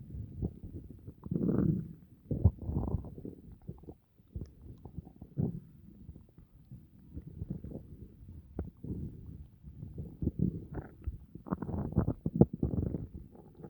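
Low, irregular gurgling and rumbling bursts from the belly: ordinary bowel sounds after a meal.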